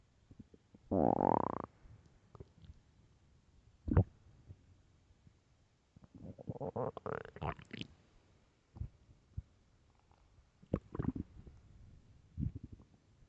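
Loud gurgling and rumbling stomach growls with bubbly bursts between quiet gaps; ordinary bowel sounds.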